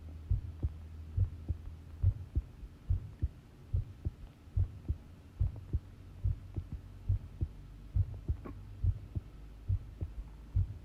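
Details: Long heart sound recording: regular low thumping at about 70 beats per minute with a steady background hum; normal heart sounds.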